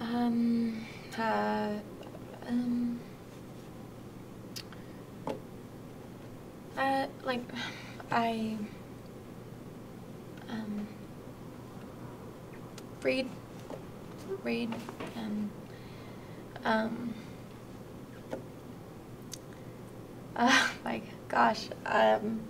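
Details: Moderate Broca's aphasia, a non-fluent aphasia and acquired language disorder: difficulty verbally expressing himself or herself in conversation about hobbies.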